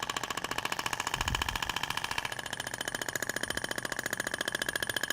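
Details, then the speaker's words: Thork radial shockwave device applied over the abdomen in a training demo, avoiding the rib prominences and the umbilical scar, with 2,000 shots split over two passes; rapid, regular mechanical clicking pulses, about 214 a minute. "é uma técnica rápida de se aplicar então comparado com o tempo do ultrassom ondas de choque é um tratamento muito mais rápido né"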